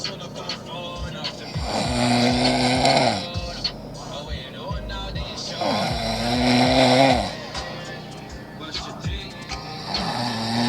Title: Guys snoring like a madman must-see hilarious